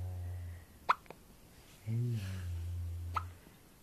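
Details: 4-month-old infant girl with hiccups: brief sharp hiccup sounds amid soft goo-goo baby vocalising and room hum.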